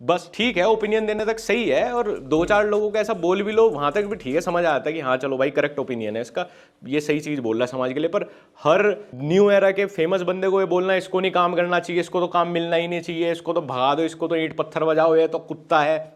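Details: Adult man; Normal speech.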